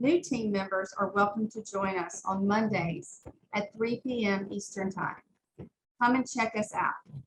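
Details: Adult woman speaking; ordinary speech.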